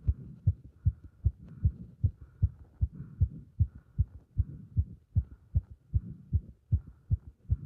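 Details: Heart sounds recorded with pressure on the chest during squats: regular, fast, strong heartbeat at about 150 beats a minute with some rustling noise between beats, rapid heart sounds during exercise.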